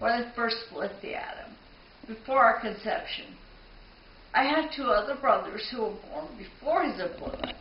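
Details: 52-year-old woman with spinocerebellar ataxia of unidentified type, diagnosed 1998, DNA tested twice and negative for known types; slurred speech alongside balance, gait, handwriting and vision problems: ataxic dysarthria.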